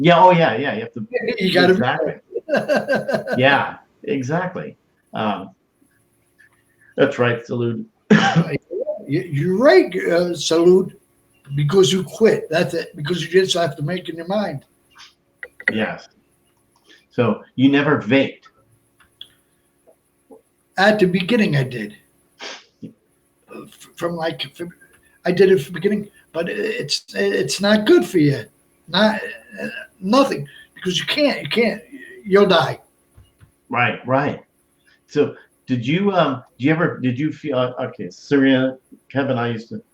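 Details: Adult male stroke survivor with Broca's aphasia for more than 8 years since a stroke on March 22, 2011, also a heart transplant recipient; speech limited to short utterances, laborious word-finding, verbs harder than nouns; Broca's aphasia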